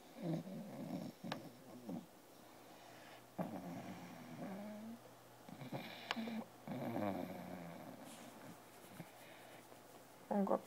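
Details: Snoring from an English Bulldog asleep on a computer, not wanting to go up to bed.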